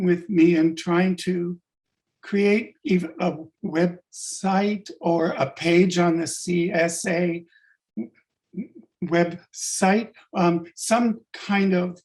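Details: Adult-onset stuttering in a man, sudden onset five years ago, attributed to functional neurological disorder (FND); began as initial sibilant stuttering, now mostly syllable-by-syllable blocks; fluent in a mirror or with a fake accent; stuttering (blocks and prolongations).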